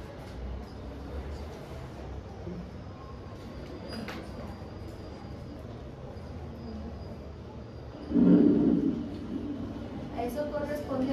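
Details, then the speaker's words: Lung auscultation during a respiratory physical exam: soft, low, rustling breath noise with gentle swells and no added sounds, described as preserved vesicular murmur without alteration: normal vesicular breath sounds. "mormo vesicular si encuentran este ritmo este este sonido es un mormo vesicular conservado no tiene ninguna alteración"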